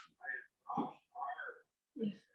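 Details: Nonverbal vocalization in a 25-year-old unreliably speaking autistic woman, answering a yes/no question.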